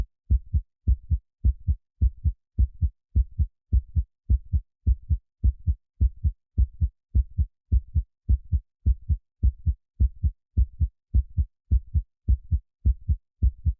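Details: Steady, very regular paired lub-dub thumps at about 105 per minute, clean and even; likely a processed or looped heartbeat for infant relaxation.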